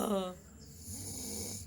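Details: Person snoring during sleep: a single brief, low rumbling snore-like breath followed by soft noisy breathing.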